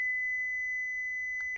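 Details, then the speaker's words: Philips HeartStart OnSite AED demonstration: steady high-pitched tone ending in a brief click as the shock is delivered after "shock advised", then prompt "Shock delivered… safe to touch the patient"; AED shock delivery tone. "Shock delivered. Be sure emergency medical services have been called. It is safe to touch the patient."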